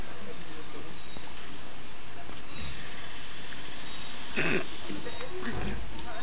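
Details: Sleeping seals snoring at Loro Parque, Tenerife: low, rough snorting breaths through steady background noise, with a louder snort near the end.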